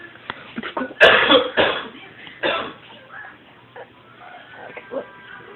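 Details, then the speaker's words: A child gives a few sharp coughs, a loud burst near the start and a smaller one after. "no no you're still coughing which is cool"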